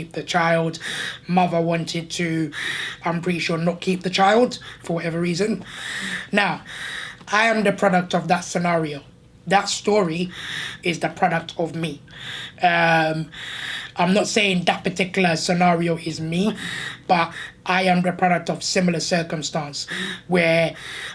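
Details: Adult man born six months premature, disabled, speaking with a tracheostomy; he says gasping for air is audible as he talks; tracheostomy speech.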